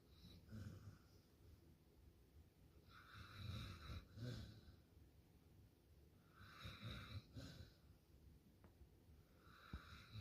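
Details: Soft repeated rumbling breaths with a faint whistling edge, roughly every three to four seconds; snoring.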